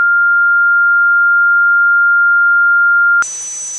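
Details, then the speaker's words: Simulated tinnitus examples: a steady pure ringing tone, then a high hiss with a thin whistle, imitating the ringing, buzzing or hissing heard in the ear: tinnitus simulation. "have you ever experienced a ringing buzzing or hissing sound in your ear that won't go away if so you might have tinnitus what does tinnitus sound like here are some examples"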